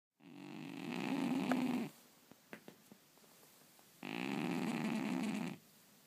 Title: Funny cat snoring while dreaming